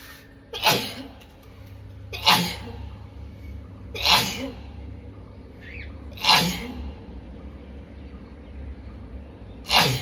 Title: Sneezing And Nose Blowing Challenge Part 14😂😂😂